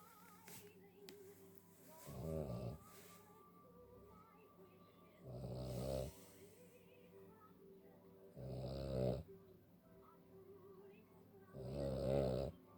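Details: Cavalier King Charles spaniel, tired and trying to sleep: four rattling snores at about 19 breaths a minute, faint music in the background.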